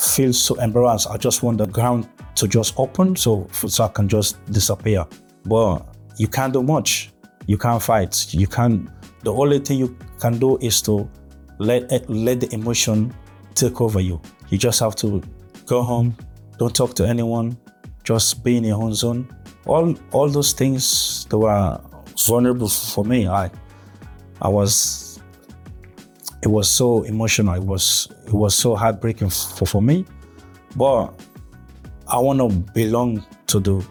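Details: Adult male with stuttering since early childhood, with blocks and gaps between words; real stuttering.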